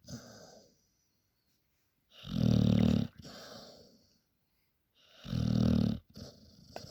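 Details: Sleeping dog Alisa snoring after a hard working day: two loud, low, rattling snores on the in-breath, each followed by a softer breath out, about 20 breaths a minute.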